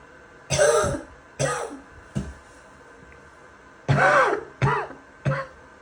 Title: Some wet and barking coughing